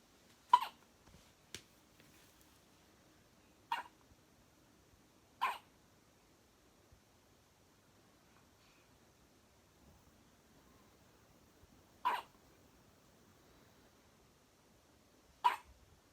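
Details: Newborn weighing 5 lb 1 oz having first hiccups while sleeping: six soft, abrupt hiccups in sixteen seconds at uneven intervals, quiet room.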